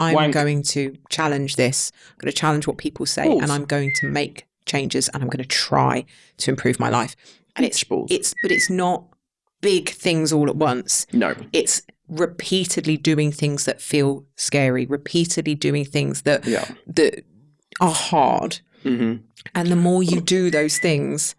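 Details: Tourette syndrome vocal tics in an adult man, about 32, whose Tourette's was acquired in his mid-20s after a brain injury; tics include involuntary swearing and whistling, and a stammer occasionally returns.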